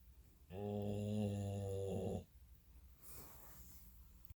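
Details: Snoring: one loud, steady, deep droning snore lasting about two seconds, then a quiet breath out.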